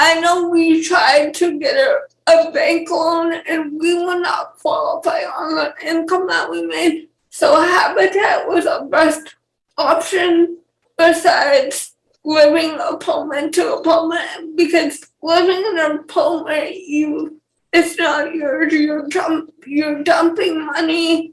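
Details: 28-year-old woman with cerebral palsy and speech issues: dysarthria in cerebral palsy.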